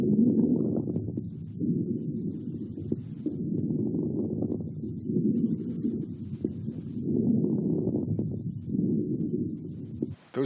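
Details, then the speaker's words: Breath sounds with fine popping crackles late in each inspiration as the lungs pop open: late inspiratory rales. "late inspiratory rails and hopefully you were able to hear that crackling sound as the lungs popped open at the end of inspiration"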